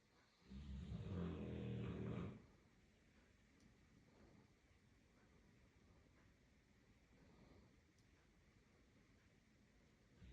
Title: FUNNY DOG. Cute Dog with the Funniest Snoring Sounds .СЛАДКОЕ ХРАПЕНИЕ .dog #cruiseline #myanimals